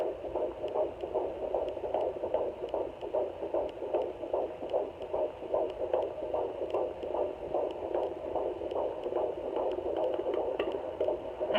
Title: Baby's heartbeat on home fetal Doppler - 17 weeks 2 days